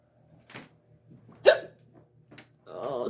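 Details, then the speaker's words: Woman with annoying night-time hiccups in a dark bedroom at bedtime: several short, abrupt throat sounds, one sharp and loud, then a breathy voiced sound; hiccups. "save me save me from these awful hiccups I can't stand them I just want to be able to get my work done and go to sleep"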